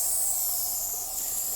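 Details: Nebulizer hiss from a mask delivering a quick-acting drug to a woman in acute respiratory distress with airway spasm, wheezing in both lungs (worse on the left), a fast heart rate, and kidney failure on dialysis.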